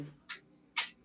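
A brief hiss, then a nasal, bleating, tremulous voiced sound: egophony.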